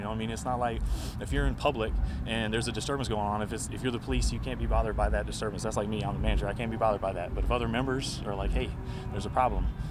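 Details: Adult man speaking; Normal speech.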